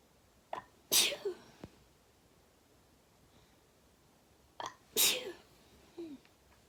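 Two sharp, hissing sneezes, each with a quick breath in before the burst; ordinary sneezing.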